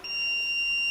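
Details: A steady high electronic alert tone from a training defibrillator during a CPR and defibrillator demonstration on a training dummy; the device's warning signal.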